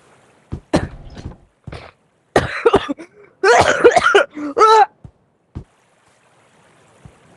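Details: Several short coughs, then harsh throat clearing, between quiet room noise, while playing a VR game; the speaker apologises for how he sounds, saying he hasn't taken his allergy medicine; ordinary cough.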